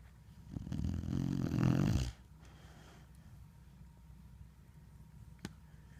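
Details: One loud, rough, low snore lasting about a second and a half, followed by quiet room noise; snoring.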